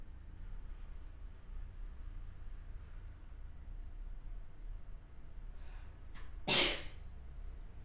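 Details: One sharp, forceful sneeze after quiet breathing sounds, against steady low background noise.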